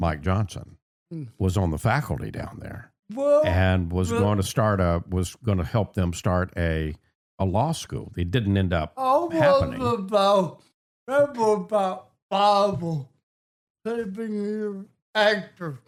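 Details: Adult man with cerebral palsy and a speech impediment since childhood: dysarthria (cerebral palsy).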